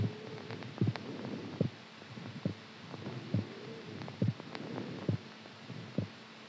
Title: HEARTBEAT SOUND SLEEPING STRONG